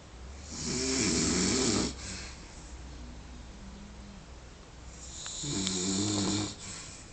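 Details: Epic snoring after a big one: two loud, rough, rattling snores over about seven seconds, with quiet breathing between them and a steady low room hum.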